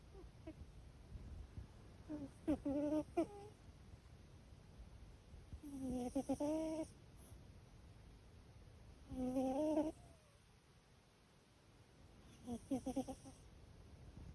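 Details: A cat snoring while asleep, which a vet has checked and found normal, part of her personality; soft snoring sounds.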